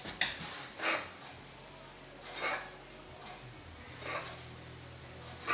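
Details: A female dog gives a run of harsh, dry, hacking coughs; she has 30-second to 1-minute episodes 2–3 times a day, the owner suspects kennel cough, and she is still in good spirits.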